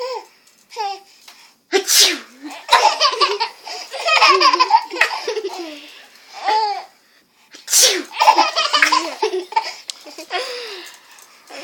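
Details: Young child sneezes twice, each sharp sneeze followed by giggling and laughter; the child started laughing on hearing the sneezing.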